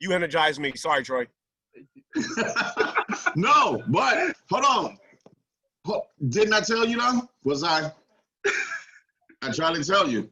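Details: Adult speaker; normal speech.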